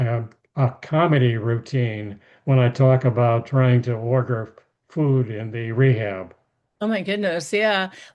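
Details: Aphasia after a stroke in an adult male, with speech rebuilt through therapy and practice; he speaks more slowly than typical and sometimes pauses to find words.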